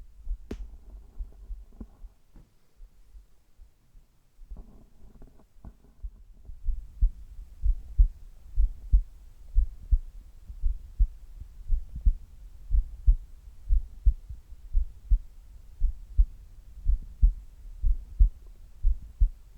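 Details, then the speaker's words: Normal resting heart sounds of a person before doing sit-ups: steady, regular low thumps at about 60 beats a minute. "まずは平常時の心音をお聞きください。"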